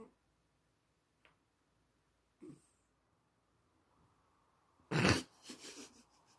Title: loud snoring cat 😂🤣